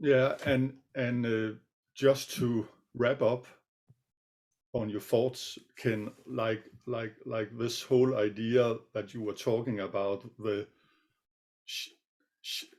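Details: Stuttering in an adult co-presenter who says he sometimes stutters; part-word repetitions and a filler are heard.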